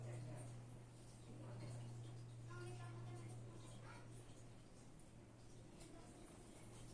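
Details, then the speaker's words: Female patient, stethoscope abdominal auscultation: faint, brief gurgles over a low hum, about 15 bowel sounds per minute, within the normal range of 5–30 per minute; normal bowel sounds. "esta paciente tiene alrededor de unos 15 ruidos por minuto, lo que quiere decir de que está dentro del rango normal."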